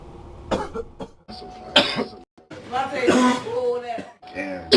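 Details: Several harsh, explosive coughs and throat clearing mixed with bits of speech and abrupt cuts, compiled from a show's coughing moments; ordinary coughing.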